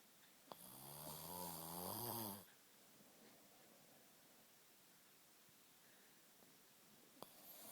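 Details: One loud, rough snoring breath lasting about two seconds, then quiet room noise; snoring.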